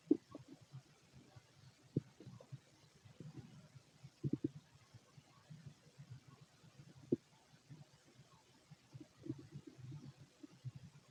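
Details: Fit adult male, empty stomach: quiet, scattered low gurgles and a few soft clicks over near-silent background; sparse bowel sounds, not much activity.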